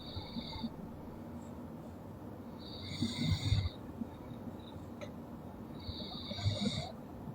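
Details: Sleeping girl snoring: soft, rattling snores on slow breaths, partly masked by steady room hiss and a faint high whistling tone.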